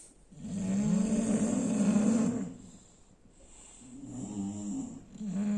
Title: bulldogs snore really loud😬😬😬but... they are still cute as teddy 🐻☺️